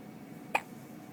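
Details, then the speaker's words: Hiccup from a baby boy: a single short, sharp hiccup in a quiet room. "See, the hiccups are making me tired."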